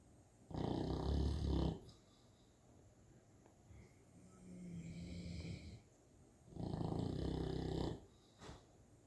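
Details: Sleeping St. Bernard puppy snoring: loud, rough, low snoring breaths, each about a second long, with a quieter breath between them.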